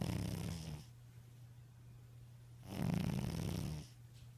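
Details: Snoring from a sleeping tabby cat: low, rumbling snores on each breath with quieter breathing between.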